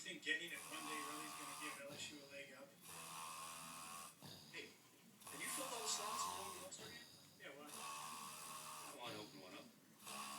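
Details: A man's snoring while asleep: repeated rough, buzzing, rattling breaths every few seconds in a small room.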